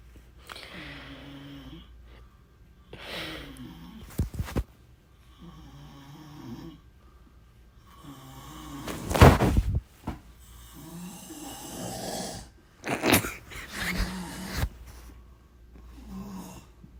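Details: Repeated low fluttering snores on each breath, broken by a few louder snorts and knocks in a quiet room; snoring.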